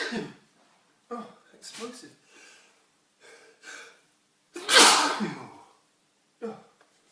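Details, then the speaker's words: Adult man deliberately inducing sneezes with detergent powder, nose itching: catching gasps in, then one loud, forceful sneeze followed by a smaller breath sound. "It's working. It's making me sneeze. Sneezing's intense. Oh, my nose is really itching."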